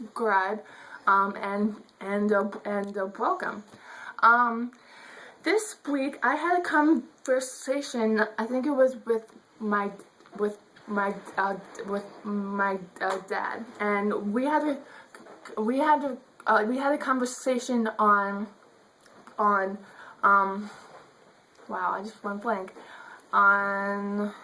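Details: Adult woman who says she stutters; stuttering.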